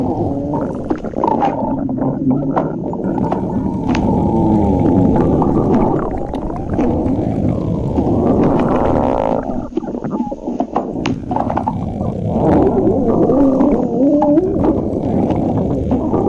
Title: Tracker stomach growling